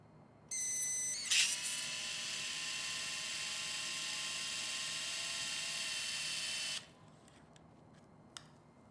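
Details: Power driver running: a steady high-pitched motor whine for about six seconds after a brief start-up tone. It is advancing a 1.1 mm guide pin percutaneously over the flexed fifth MCP joint for intramedullary metacarpal fracture fixation.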